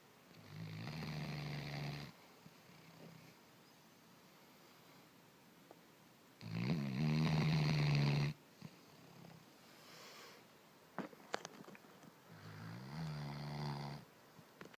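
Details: Snoring: three long, low rattling snores, each about two seconds, with quiet gaps between, in a small quiet room.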